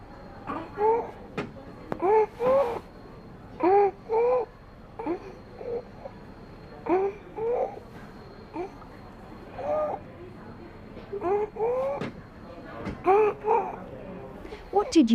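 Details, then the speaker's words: Child in a WHO IMCI training video makes a harsh noise when breathing in, judged to be stridor. "decide we heard a harsh noise when petit was breathing in therefore we decided the petit does have stride all listen again"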